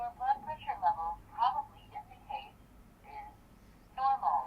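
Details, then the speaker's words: A wrist digital blood pressure monitor, used with the elbow resting on a table, announces its reading in a thin, tinny synthetic voice; the reading was normal. "As you can see, it's saying my blood pressure."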